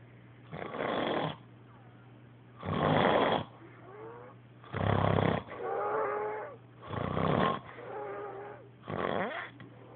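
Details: Adult man's heavy, loud, rough snoring recurring about every two seconds with softer whistling breaths between; observer reports he stops breathing, though no clear pause is heard here.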